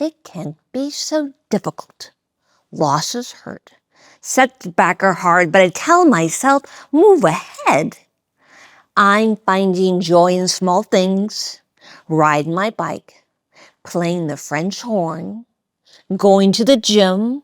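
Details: Aphasia in an adult woman, acquired after she was shot in the head in 2011; she is relearning how to talk and works with a speech-language pathologist.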